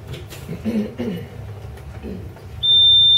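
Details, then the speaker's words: Draeger ventilator pre-use self-test, audible alarm check: after quiet room noise, a steady high-pitched electronic alarm tone sounds, which the user confirms hearing. "Audible alarm sound. It just wants to know that you hear that wonderful alarm, so say yes."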